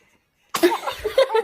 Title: How baby sneeze 🤧